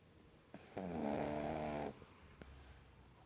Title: Snoring Pug Puppy Video 2